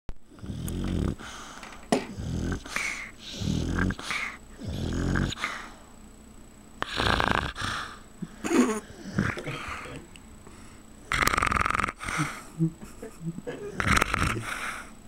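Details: Snoring dog: loud, rattling snores with noisy breaths about every one to two seconds, some irregular, while asleep.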